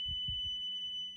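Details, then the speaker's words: ZOLL AED Pro in manual mode, in-service demonstration: "Don't touch patient. Charging" prompt with a steady high-pitched electronic charging tone before a shock, faint low thuds underneath. "Don't touch patient. Charging. If you detect a shockable rhythm, you can press charge. It'll charge up automatically"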